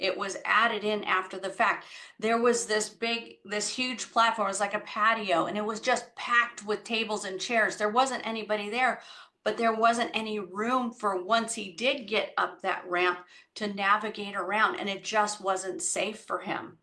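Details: Adult woman; Normal speech.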